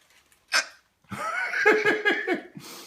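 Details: Hiccups in a female after oral surgery that went into the jaw bone, with jaw bruising expected and swollen lips: one sharp catch, then a run of quick, jerky voiced gasps.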